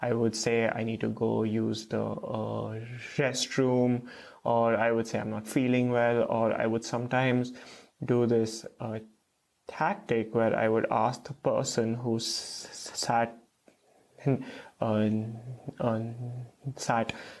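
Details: Stuttering with blocks in an adult man, a first-year PhD student, who has stuttered since about age 3 to 3.5.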